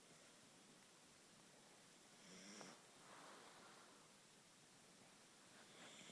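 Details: Snoring during sleep; snoring.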